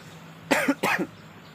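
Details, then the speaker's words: Adult with a dry cough, no phlegm, sore and itchy throat: two short, harsh cough bursts in quick succession with no wet rattle. "Agak susah mengeluarkan dahak karena memang nggak ada dahaknya. Batuk kering, gatal bagian sini."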